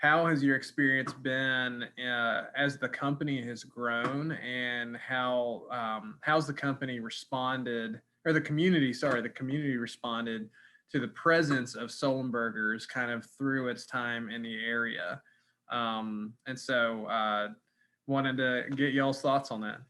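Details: Adult speaker; normal speech.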